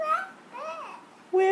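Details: One-year-old toddler with cochlear implants, babbling during play with his mother, consistent with babbling in a toddler with cochlear implants.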